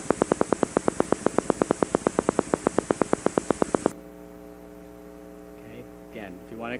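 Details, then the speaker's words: Fast, semi-rhythmic popping from one motor unit firing at about 9 Hz for about four seconds, then steady hum; normal single motor unit firing on needle EMG. "you know it's semi rhythmic so it's gonna change a little bit as its firing but on average this is about nine Hertz okay still normal"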